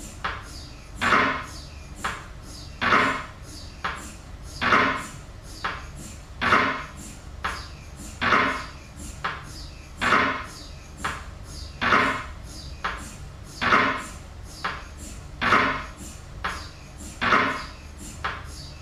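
Loud, evenly spaced mechanical knocking pulses, about 33 a minute, typical of an MRI scanner running a sequence.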